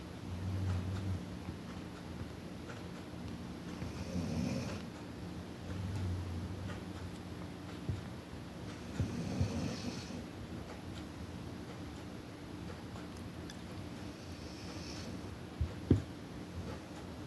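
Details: Soft, low rumbling breaths recurring in a quiet room, with a gentle snore on some breaths.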